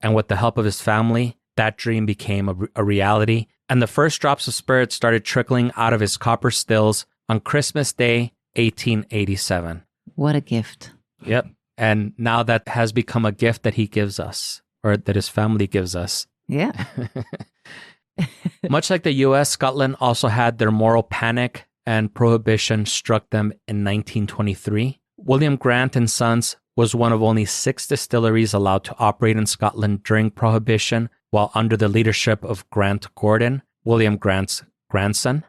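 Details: Adult male narrator, with brief interjections from a second voice; normal speech.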